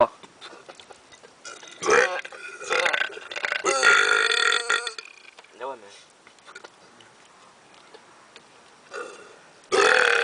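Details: Two men deliberately belching: several loud, drawn-out burps, some long and rumbling, with brief laughter and talk between them; burping.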